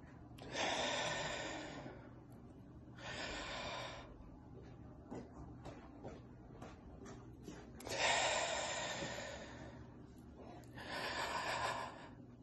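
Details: Demonstration of a breathing exercise for active Covid-19 infection: four slow, deep, audible breaths with pauses and five-second breath-holds, to expand the lower lungs and prevent secondary pneumonia. The demonstrator felt dizzy afterwards.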